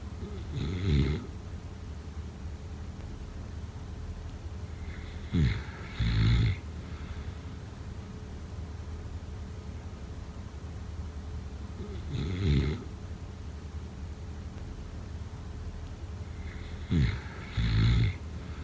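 Slow, rough snores, about five to six breaths a minute, each a rattling inhale followed by a softer exhale over steady room hum.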